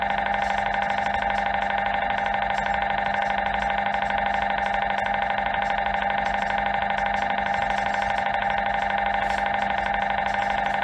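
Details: MRI scanner noise: loud, steady, rapid mechanical knocking at about two per second with a constant buzzing tone; earplugs or headphones advised to reduce noise.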